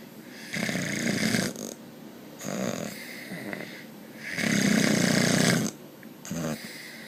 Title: Snores A Lot - Part 2